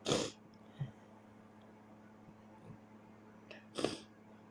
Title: Nighttime sneezes keeping me awake